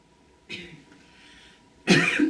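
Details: Two acted coughs by an actress: a short throat-clearing cough, then a louder harsh cough burst.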